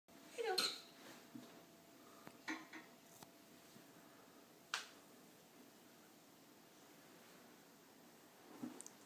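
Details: Riley hiccups: a few brief, abrupt hiccup sounds, irregularly spaced, in a quiet room; hiccups.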